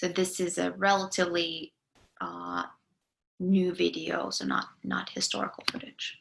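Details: Adult lecturer; ordinary speech.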